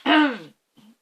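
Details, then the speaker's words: Adult woman in the evening, not ill, with something in her throat, gives one forceful rough throat clear followed by a brief low voiced after-sound. "Décidément. J'ai un truc dans la gorge ce soir et ça me saoule."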